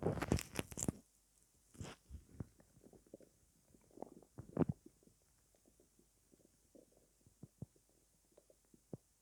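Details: Stomach growling at night after not eating all day: quiet, irregular gurgles and soft pops from an empty stomach, ordinary hunger borborygmi.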